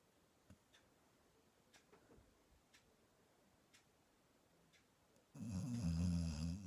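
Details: Quiet room with faint ticks, then one loud, low, rumbling inspiratory snore from a sleeping English Springer Spaniel on a bed.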